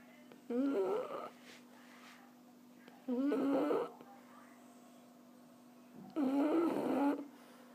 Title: Erna, die französische Bulldogge schnarcht :-)